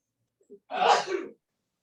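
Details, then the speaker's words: Single sneeze heard during a meditation talk: a short intake of breath then one explosive, hissing burst that trails off, in a quiet room. "did you hear that sneeze dude i thought it was jim but jim's not here"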